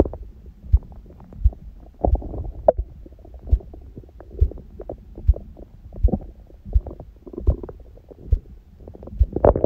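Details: Own abdomen recorded after ab workout and a large meal following fasting; loud regular heartbeat thumps, about 80 a minute, at the start, mixed with gurgling bowel sounds: heartbeat heard through abdomen.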